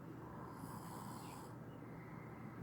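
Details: Low, rough, rattling noise of a single snore from a sleeping man, filmed by his brother, with faint room noise.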